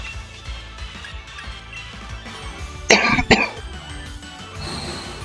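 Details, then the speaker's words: Two short, loud, harsh cough bursts about half a second apart from an adult who is under the weather, over quiet game music. "I am taking the mic well away from my face and it is still picking that up like wildly oh God well on the plus side when I edit this for you guys uh you won't hear the initial volume of the cough"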